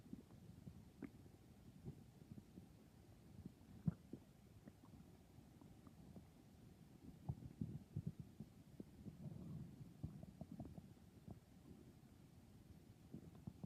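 Low gurgling rumbles with scattered squeaks and pops from the belly: stomach growling, ordinary bowel sounds.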